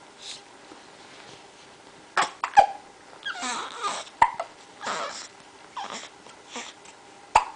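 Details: Hiccups and a sneeze from a 1–2-month-old baby boy: three abrupt, sharp hiccup clicks with soft breathy grunts and fussing between them; ordinary infant hiccups.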